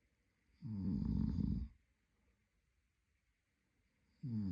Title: Snoring Boyfriend | My favorite Whitenoise